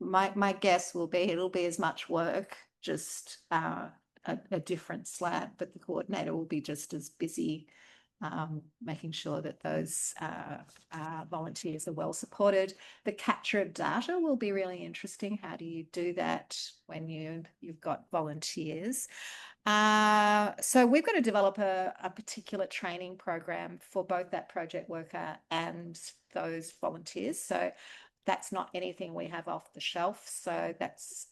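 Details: Adult woman speaking; Normal speech.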